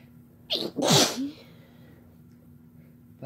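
A single sharp sneeze with a quick inhaled lead-in and an explosive burst, then quiet room; one ordinary sneeze.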